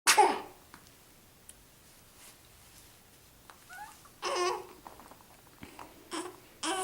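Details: Child sneezes once sharply while playing, followed by soft babbling and playful vocal sounds.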